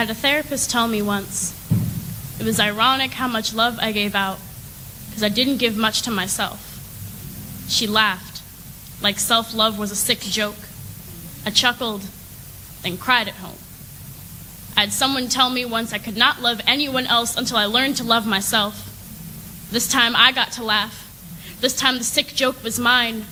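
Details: Adult female speaker; normal speech.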